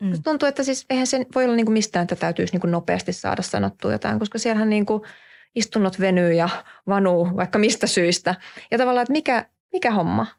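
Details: Adult woman; fluent speech.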